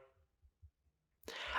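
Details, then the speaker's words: An adult who habitually holds in his sneezes imitates a suppressed sneeze: faint muffled puffs, then a sudden breathy burst. "i never ever ever sneeze i hold all my sneezes and it's really bad"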